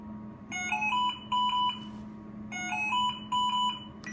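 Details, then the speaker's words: Repeating bursts of electronic alarm tones over a steady machine hum from a V200 ventilator, in a teaching overview of ventilator alarms, including low inspiratory pressure; ventilator alarm. "we're gonna hit the silence alarm so that we don't have the patient being upset about it and then we're going to assess our patient"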